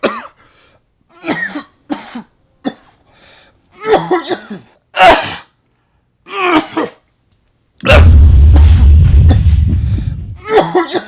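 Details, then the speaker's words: Acted comedy scene of a friend sick with a cold: a series of harsh, repeated cough bursts, described as aggressive, followed by loud noise and music; cough. "bro that cough sounded hockey aggressive you sure everything okay"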